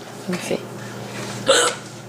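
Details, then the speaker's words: Young woman with persistent hiccups, trying to drink water to stop them: two abrupt, voiced hiccups, the second louder and higher, over low room noise. "oh they're still there dude you don't like my hiccups they have a funny noise"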